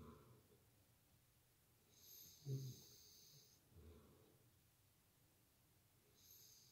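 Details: A partner snoring loudly during sleep, likened to a grizzly bear, with low rumbling snores on inhalation and one sharper snort in a quiet room; snoring.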